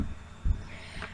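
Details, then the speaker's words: Single low lub-dub heartbeat heard through a stethoscope, from heart valves closing (tricuspid and mitral); normal first and second heart sounds. "who has ever listened with stethoscope to the heart or heard auntie neo a smell that you hear the sound lub-dub lub-dub lub-dub he's gonna basically the valves of your heart closing that's making that sound"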